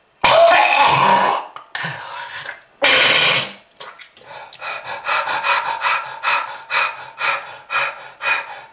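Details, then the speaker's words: Harsh, prolonged coughing bursts followed by rhythmic gasping breaths in a smoker with lung disease, coughing up red material; smoker's cough. "if you want this to happen to you just keep smoking this is lung disease"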